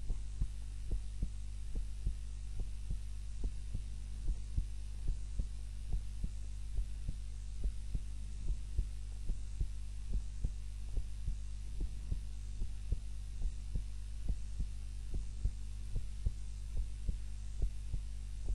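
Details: Own heart sounds recorded on a timer while napping, lying on the back (supine) rather than the usual face-down position: steady low thumping heartbeat over a constant hum; normal heart sounds during sleep.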